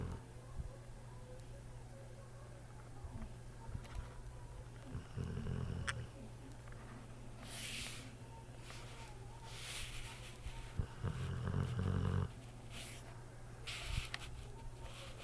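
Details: Low, rumbling snore bursts with each breath over a steady background hum; snoring.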